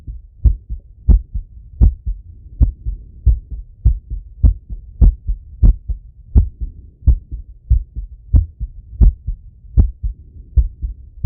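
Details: Male, heart auscultated with stethoscope right after a workout set: strong, regular lub-dub heartbeats at about 80 a minute; normal heart sounds after exercise.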